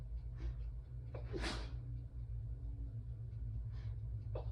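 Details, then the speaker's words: Forceful sneeze with sharp inhalation and breathy snorts, over low room hum; allergy attack in a female having trouble taking a full breath, may need her inhaler. "But when I can't take a deep breath all the way, I'm gonna sneeze. Like it's harder to sneeze all the way."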